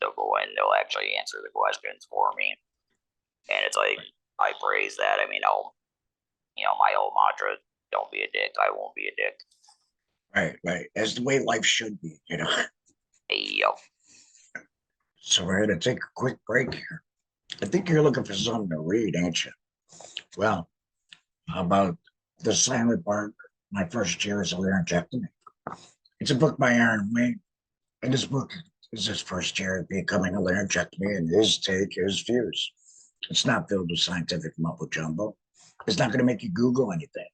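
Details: 47-year-old man, laryngectomee since a 2019 laryngectomy, speaking with an electrolarynx, which took him about a year to get familiar with; electrolarynx speech.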